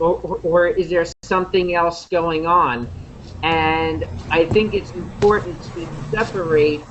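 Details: Man who stutters (person who stutters) from India, speaking while introducing himself; he describes his stuttering as repetitions of sounds and syllables and speech that gets locked (blocks). Stuttering.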